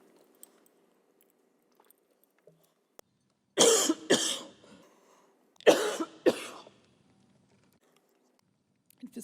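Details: Coughing fit while reading a long bill aloud and losing voice with 100 pages left: two pairs of harsh, forceful coughs in a quiet room, each followed by a brief trailing rasp.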